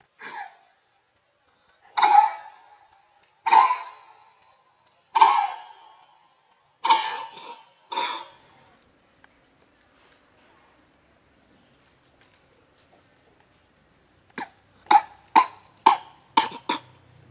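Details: Adult male macaque, a father, sitting and giving a series of short, harsh coughs with a rapid cluster near the end.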